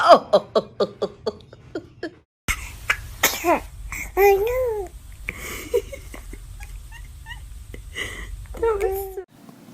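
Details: Baby sneezing: small infant sneezes, with adults nearby chattering, laughing and saying "bless you".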